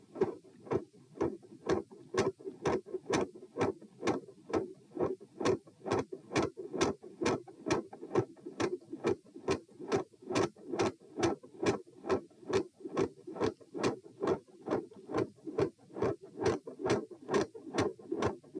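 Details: Heart sounds at position p after crouching manoeuvre: S1 very quiet again, S2 split increase persists with significant rate increase to about 130/min, fast regular rhythm.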